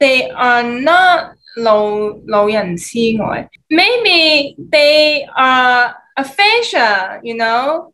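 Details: Adult male who spoke Cantonese, English, Mandarin and Shanghainese, acquired aphasia in the USA and has been relearning English for about three years; aphasia.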